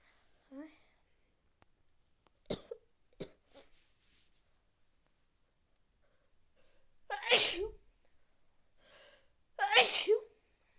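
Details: Awful sneezes with a cold: short inhaled catches, then loud, explosive sneezes repeated a few seconds apart.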